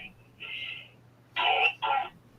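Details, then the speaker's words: Young child's cough, heard at a distance over a low electrical hum: two short, harsh, nasty-sounding coughs. "oh apologies that's a nasty cop can you hear that little person oh my goodness oh dear"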